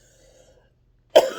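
A single sharp, forceful cough after near silence: an ordinary isolated cough.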